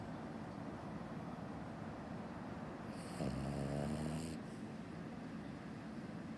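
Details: A single buzzing, nasal snore from a sleeping dog rising out of steady background noise; dog snoring.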